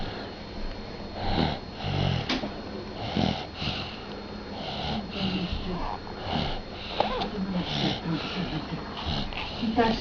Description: My baby girl sleeping loudly.